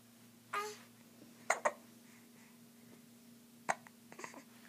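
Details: Several short, sharp, involuntary hiccup sounds spaced irregularly over a few seconds against quiet room hum; hiccups.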